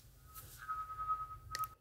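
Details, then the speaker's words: Steady high-pitched hearing aid feedback whistle triggered by hugging, in a woman with cookie-bite hearing loss and diplacusis dysharmonica; feedback squeal when the ear is covered. "One of the ones people would never think about is just hugging. - Oh yeah, the feedback."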